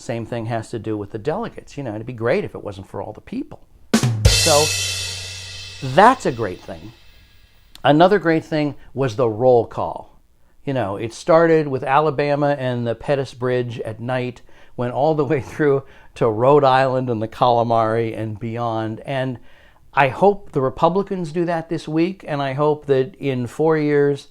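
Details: Adult male speaker; normal speech.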